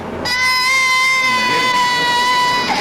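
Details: Infant dysphonic cry from a laryngeal web: a high-pitched, thin, steady cry with a cat-like quality.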